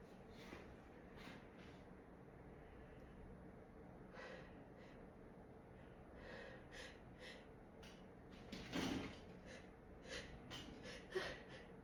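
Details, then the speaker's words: Woman trying to hold back sneezes: soft, muffled snorting bursts repeat over room hum; sneezes partly suppressed through a closed mouth, stifled sneezes. "This time I'm going to try to like hold back or at least stifle with this fresh here, and that's obviously impossible."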